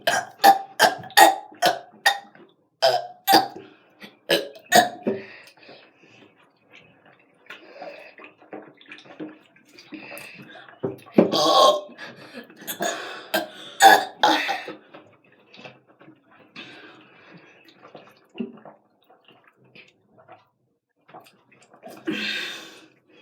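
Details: Children deliberately burping during a burp challenge, repeatedly, in quick deep bursts at first and then more sporadically, some with throaty gurgling.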